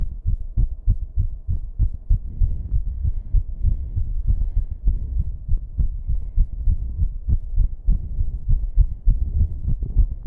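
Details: Fast, uneven heartbeat: a racing rhythm turning irregular, with heavy breathing, recorded in a bathroom with a low background buzzing hum; rapid irregular heartbeat.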